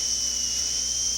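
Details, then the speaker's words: High-speed dental handpiece with a light touch placing a slight bevel finishing line on a maxillary second bicuspid prepared for a porcelain-fused-to-gold veneer: steady high-pitched whine of cutting tooth surface. "we will place this bevel by using a very light very light touch does not have to be a very deep bevel it's a very slight bevel"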